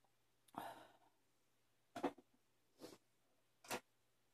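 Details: Repeated coughing attributed to allergies that are becoming more frequent: four short, dry, separate coughs in a quiet room.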